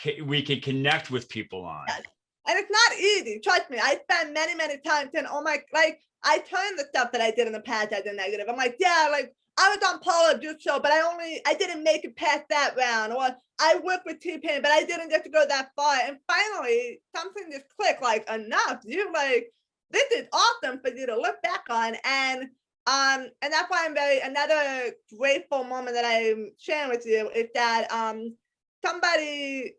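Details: Adult woman with a lifelong disability and a self-described speech impediment despite a lot of speech therapy; some people have told her she sounds hearing impaired; speech impediment.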